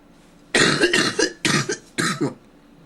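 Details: Adult gives three loud, harsh cough bursts in quick succession, the first longer and double, in a quiet room: a really bad, forceful, repeated cough.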